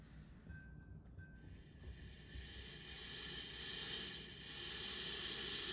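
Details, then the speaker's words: CPAP being set up for a congestive heart failure exacerbation or flash pulmonary edema, demonstrated without a live patient: steady rising oxygen hiss through the mask circuit after a brief soft tone. "And now for CHS activation, we want to set this to about somewhere between 10 to 12 L per minute."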